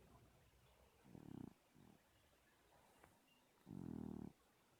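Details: Sleeping cat snoring: soft rumbling snores, two louder with a faint one between, over quiet room noise: snoring.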